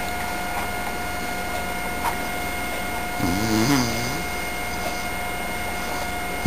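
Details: Severe obstructive sleep apnea: long quiet gap with no breathing, then one brief throaty snort.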